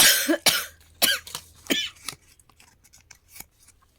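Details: Person with a cough lasting several days, not yet healed despite medication: a brief fit of harsh coughs with throat clearing fading into quieter coughs; cough.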